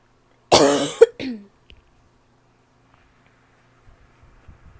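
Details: Adult woman with a barking cough: harsh, voiced cough in two bursts, followed by quiet room noise.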